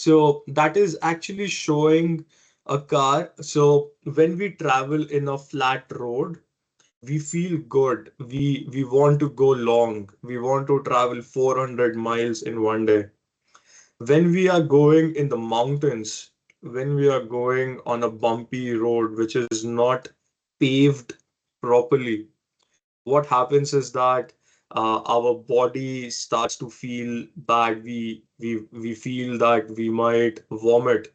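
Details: Adult man who has stammered since early childhood, persisting into adulthood, with word repetitions; stuttering.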